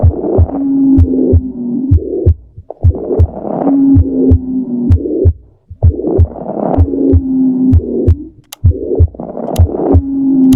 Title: Myocardial Infarction Sound || A Fourth Heart Sound